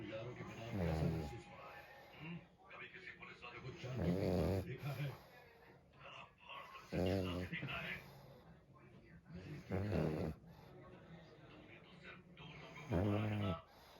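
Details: Pug snoring: loud, rough snoring bursts about every three seconds with noisy breathing between them.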